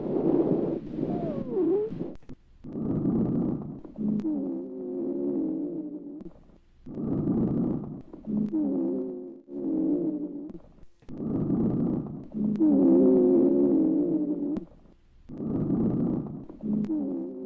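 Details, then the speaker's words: Low-pitched, hollow, resonant cavernous bronchial breath sounds at about 14 breaths a minute over the left infraclavicular region, midclavicular line. This suggests a lung cavity, with chest-wall flattening and trail sign pointing to fibrosis or collapse, not consolidation. "And on auscultation, tubular breath sounds are not heard. There are cavernous breath sounds suggesting a cavity."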